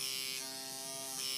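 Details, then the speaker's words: Microneedling pen run on a client's face; steady high-pitched electric buzz of the motorized pen running continuously; microneedling device in operation. "okay so I'm going to take this I'm going to line it up 2.25 then make a little bit more noise"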